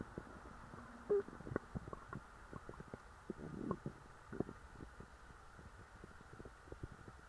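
Low gurgling rumbles and scattered bubbling pops from the belly: ordinary bowel sounds, stomach growling after a large meal.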